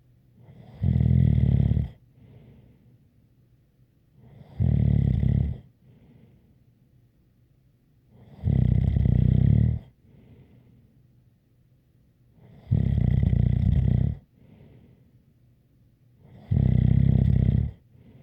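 Steady, deep snores about 17 a minute, each with a faint whistle, separated by quiet exhalations.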